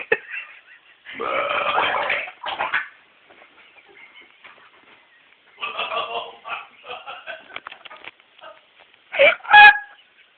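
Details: Adult man with hiccups, repeatedly burping: several loud, gurgling burps in irregular bursts with quiet gaps between, before he vomited a Wendy's Frosty; recorded on a cellphone.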